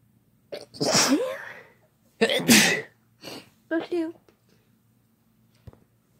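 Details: Several loud, explosive sneezes from two people in quick succession, with brief vocal sounds between them; ordinary sneezing.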